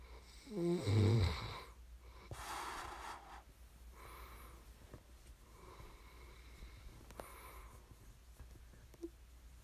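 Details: One loud, rumbling snore on the in-breath during sleep, then quieter breathing and soft rattling; ordinary snoring.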